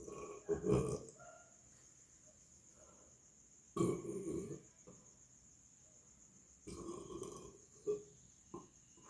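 Three low, throaty belch-like bursts, spaced a few seconds apart, with a steady high whine in the background; burping.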